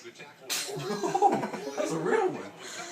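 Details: A single sharp sneeze, a burst of breath through the nose and mouth, with faint voices and music in the background.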